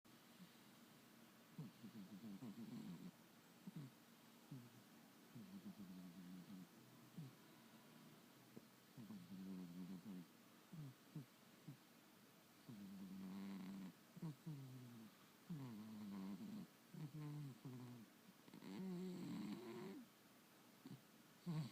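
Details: Soft, fluttering low snores with each breath during sleep.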